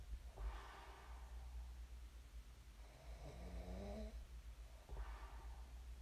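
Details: Real recording of a person snoring in their sleep, shared as snoring ASMR: low vibrating breath sounds over steady room hum, with a rasping intake in the middle; sleep snoring.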